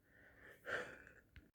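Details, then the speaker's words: Wheezing, recorded with a hidden camera in the emergency department after an asthma attack: thin, high whistling tone through two breath phases, attributed by the patient to asthma; treated with cortisone and two aerosol inhalations. "Donc en fait, c'est lié à mon asthme, ce bruit-là, et puis cette petite infection sur La prise de sang, ils ont rien vu, qu'un petit truc, mais c'est pas ala"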